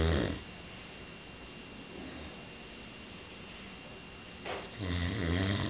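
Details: Adult man snoring in his sleep, loud enough to be mistaken for a bear: low, rattling snore at the start and again near the end, with quiet breathing between.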